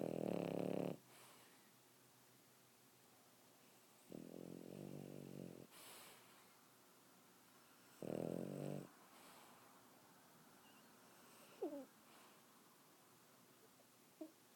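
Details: Boston Terrier puppy: loud rattling snores on each in-breath about every four seconds, quiet breathing between; snoring.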